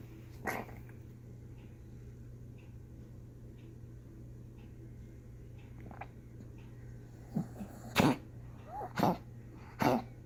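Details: Coughing fit in a dog: a quick run of about four harsh, honking coughs after a quiet stretch, with a faint steady hum behind.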